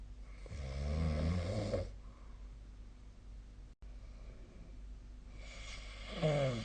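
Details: Snoring during sleep, recorded 2025/02/24 with the SnoreLab snore app: two loud, low, rattling inhaled snores separated by quiet breathing.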